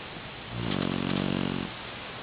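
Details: Nine-month-old Boxer puppy asleep and drooling on a pillow, snoring: a single drawn-out, buzzing, low-pitched breath of about one second.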